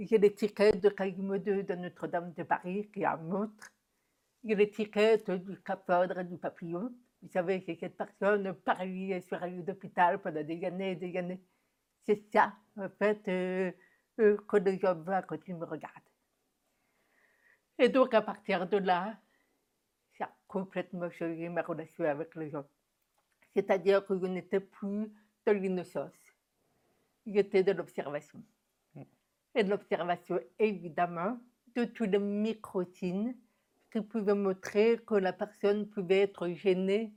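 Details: Deaf speech of a woman diagnosed deaf at 9 months, when doctors said she would never speak; she has never heard her own voice and learned to speak through about 20 years of speech therapy.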